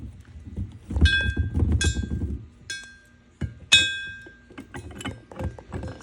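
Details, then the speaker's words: Metallic clinks and thunks as an oxygen regulator is slid onto a tank valve, holes lined up and tightened firmly to prevent seal leaks, while swapping a less-than-half-full oxygen tank during an ambulance truck check. "tighten down your regulator for this you want it to be really nice and tight so that there is no leak in the seal"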